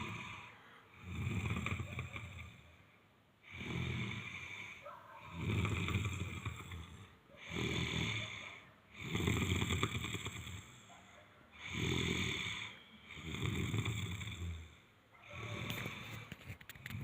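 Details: A boy snoring at night: loud, low rumbling snores with each breath, about 15 a minute, steady and repetitive; ordinary heavy snoring.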